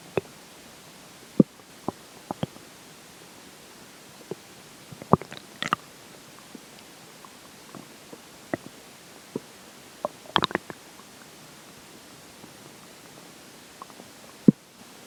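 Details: Scattered brief gurgles and clicks over a quiet background during the stretch where water and air take effect; ordinary bowel sounds during digestion.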